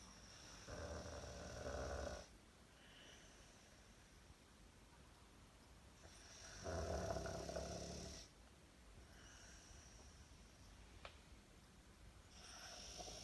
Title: Bulldog Snoring in Deep Sleep #bulldog #snoring